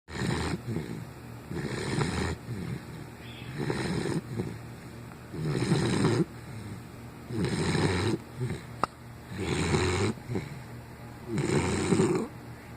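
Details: Sleeping Pit Bull snoring: deep, regular rumbling snores about 30 a minute with softer breaths between.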